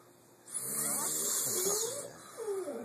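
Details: Snoring: a long, wavering, rattly snore on the in-breath, with hiss of background noise.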